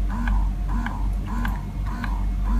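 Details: A Lacte Solo Elite rechargeable electric breast pump runs in stimulation mode. Quiet rhythmic pumping at about two cycles a second, each cycle with a soft whir and click.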